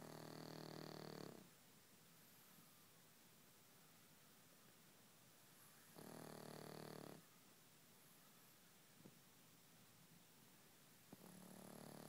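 Loud rattling snore on each breath in, with quiet pauses between, in a quiet room: a dog snoring.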